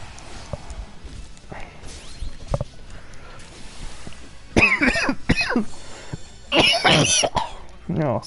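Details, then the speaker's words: Adult streamer coughing and blowing the nose, a cough they say sounds like years of smoking. "welcome to the sounds of my inner world right now they're all disgusting blowing my nose coughing coughing in a way that sounds like I've been smoking for 30 [ __ ] years"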